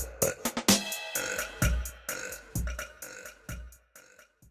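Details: Burping compilation clip: a run of short burps, roughly one a second, over a rhythmic music track.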